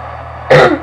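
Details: A single short, harsh throat clear from an adult man, who says his voice is hoarse, over steady background noise of heavy rain.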